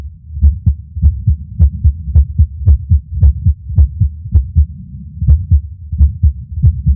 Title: Irregular Skipping Heartbeat #12